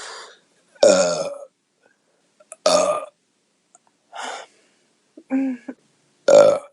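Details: Beer burps from a woman (girlfriend): several loud, voiced belches separated by silence, with one or two shorter, softer burps between.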